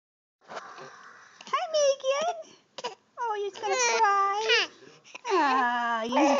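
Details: Baby girl with hiccups, recorded close up, fussing and vocalizing: rising and falling fussy wails and whimpers in short bursts; infant crying.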